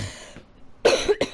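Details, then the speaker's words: Adult man with a hoarse voice coughing into a covering hand: two short, sharp, slightly muffled coughs, the second briefer; cough. "Je tousse dans le micro Enfin non j'ai mis la main mais bon pour éviter de vous rendre malade"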